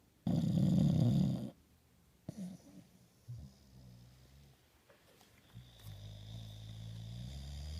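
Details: Sleeping bully dog with a smashed nose, conked out after a big meal; one loud, low rattling snore followed by softer snuffling and low grumbling in a quiet room: snoring.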